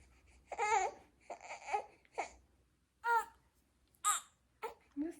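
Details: A newborn girl, just fed and just changed: short, broken fussy cries and whimpers in a quiet room, an ordinary fussy cry.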